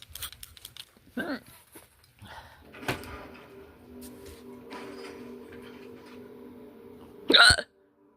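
A few sharp, abrupt hiccups with a quick catch of breath, over faint background sound; ordinary hiccups.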